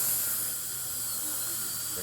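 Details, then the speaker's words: Dental handpiece with a flame-shaped burr in a high, steady hissing whine, finishing filling embrasures between teeth, especially at the gingival seat near the gumline. "I like to use these flame shape burrs when I'm doing my embrasures, like especially at the gingival seat."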